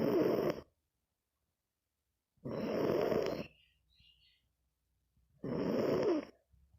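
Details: Sleeping pet snoozing: three long, rough, hissing snore breaths about 2.5 seconds apart with silence between; snoring.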